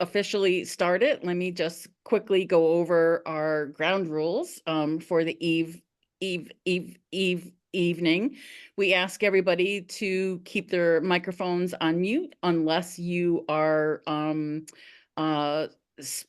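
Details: Adult woman who stutters, speaking at a stuttering support-group meeting; repeated syllables and words heard; stuttering.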